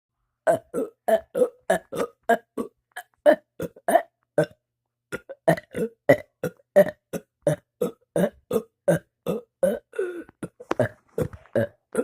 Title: burping for 1 minute straight